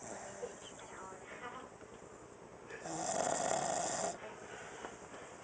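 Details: Dog sleeping on her back, snoring loudly enough to be heard across the house, unedited recording: rough rattling breath sound on inhalation with faint room noise behind it.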